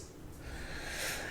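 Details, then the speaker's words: Pet dog snoring while asleep in a quiet room during recording: a single low, rough snorting breath. "and i have a snoring dog maybe you hear it um bazooka can you stop snoring please pretty please"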